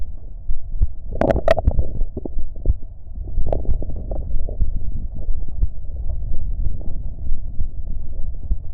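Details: Self-recorded heartbeat during a short breath-hold: muffled, regular thumps at roughly 70 a minute with brief rubbing noise near the start; normal heart sounds.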